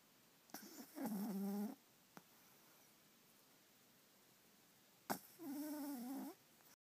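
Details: Two brief nasal, squeaky snorting snores separated by quiet breathing: an 11-week-old jug/pug puppy snoring in sleep in bed.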